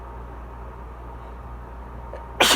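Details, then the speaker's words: A person feeling "super tickly" during an allergy fit gives a single abrupt sneeze after a short quiet intake, over a steady low background hum; allergic rhinitis. "so I've been super tickly. Gonna try to spit this out real fast."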